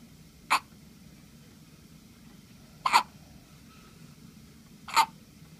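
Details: Three short, sharp hiccups about two seconds apart, over a faint steady room hum; hiccups.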